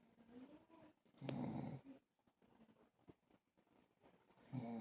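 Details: A sleeping dog snoring: loud, rattling snorts on breathing in, with quiet gaps between.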